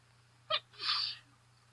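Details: A single outdoor allergy sneeze: a short sharp intake-like burst, then a loud hissing 'choo' over a steady low hum, with sniffling through the recording.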